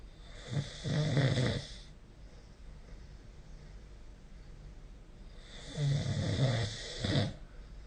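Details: Snoring recorded with a smartphone snore-recording app: two long rough, rattling snores several seconds apart over a steady hiss; adult snoring during sleep.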